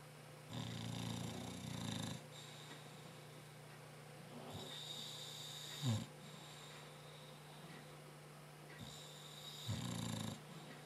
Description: This is my dog Rocky snoring. He snores loud enough that it is hard to hear the tv.